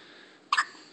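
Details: Single short, abrupt catch of breath over faint room noise from a newborn baby: a normal newborn hiccup.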